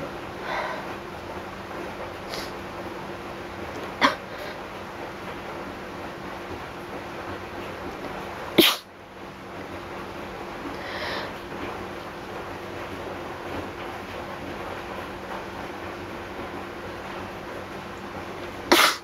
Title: slight allergy and some induced sneezes 2